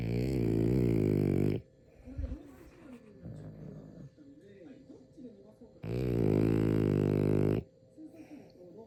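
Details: Sleeping French bulldog with its eyes open: loud, buzzing, rattling snores about four seconds apart, with soft snuffling breaths between; snoring.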